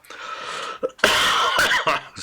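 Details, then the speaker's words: Adult streamer with a lingering cough since the previous week, still ill; a few harsh coughs and throat-clearing bursts in a small room; cough. "it won't be a very long one tonight don't worry about that he won't have to listen to me coughing incessantly for an hour"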